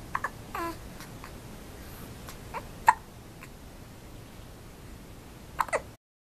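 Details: Baby during tummy time on a changing pad and blanket, quiet room with a few sharp, brief vocal catches spaced irregularly; infant hiccups.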